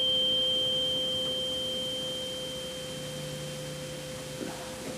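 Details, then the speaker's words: Weber test during a head and neck physical exam: a struck tuning fork gives a steady pure ringing tone that slowly fades. The patient is asked whether it is heard in the right, left, or both ears; a higher-pitched fork is also tried. "thing we're gonna do is something called the Weber test do you hear that yes tell me if you hear it in the right ear the left ear both ears the middle"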